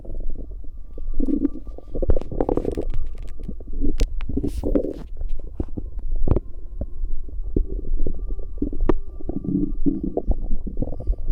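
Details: Bowel sounds recorded from a pregnant woman's abdomen: low gurgling and bubbling rumbles in irregular bursts, with short clicks and pops between them.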